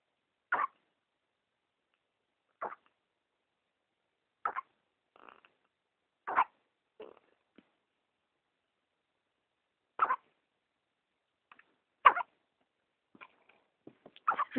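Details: Hiccups.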